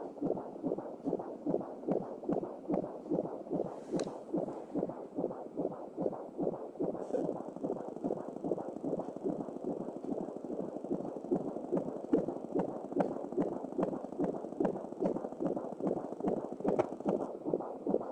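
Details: Fast, regular whooshing pulses from a home Angelsound Doppler, a fetal heartbeat at about 146 beats a minute.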